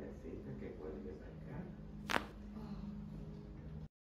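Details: Chiropractic adjustment for neck pain: one short, sharp crack as a neck joint releases (cavitation), with quiet room noise behind it.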